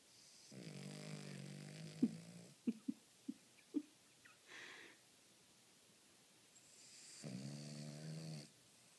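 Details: A sleeping Cavalier King Charles Spaniel snoring: two long buzzing snores with soft clicks and snuffles between them in a quiet room.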